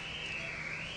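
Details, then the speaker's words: Doppler recording via catheter at a venous sinus narrowing, flow velocity rising from normal 10–20 to 80–100 cm/s, in a female patient before stenting: continuous high-pitched whoosh, the sound of venous pulsatile tinnitus. "c'est ça que les gens qui souffrent d'acouphènes 17 ils entendent dans leurs oreilles"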